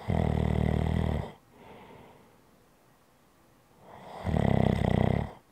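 Loud, rattling snores on the in-breath with quiet breathing out between them, in a quiet room.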